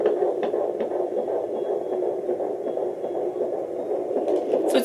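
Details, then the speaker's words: Handheld home fetal Doppler on pregnant abdomen with lotion: rapid whooshing galloping pulse, display reading 148 then 147, about 140 per minute, described as normal; fetal heartbeat. "that's the baby's heartbeat kick speeding oh he's not telling me 148 147"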